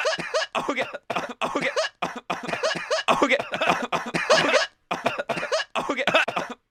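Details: Adult coughing fit lasting about 64 seconds: repeated harsh, partly voiced cough bursts in quick succession with short pauses between runs.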